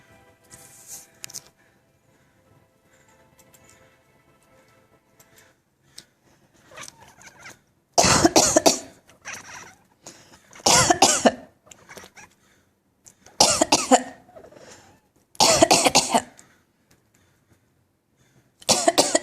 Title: Anfisa-cat is coughing OR laughing?